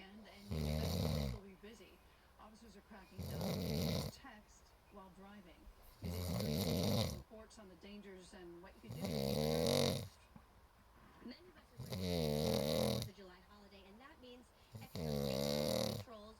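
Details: Heavy snoring, a recurring problem: six loud, rattling snores at about 21 per minute, with quieter breathing between them.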